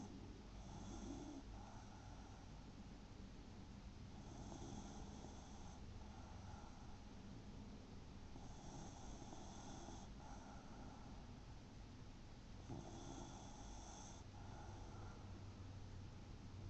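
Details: A son snoring: four slow, rattling snores about every four seconds, roughly 15 a minute, over a steady low room hum.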